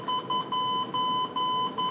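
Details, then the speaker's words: Repeated high-pitched electronic alarm beeps from a Novalung extracorporeal lung-support system during staff training, sounding as the pump is switched off and the machine shuts down. "press and hold the off button until it starts to shut down and then by pressing the alarm button"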